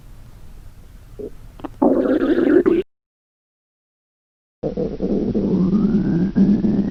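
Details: Girls' hunger stomach growling during a gravure photo shoot: loud, drawn-out rumbling and groaning growls broken by silence.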